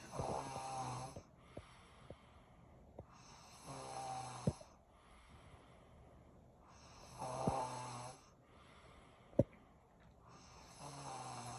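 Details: Bad snoring: rhythmic rattling snores about every three to four seconds, with sharp clicking snorts between breaths.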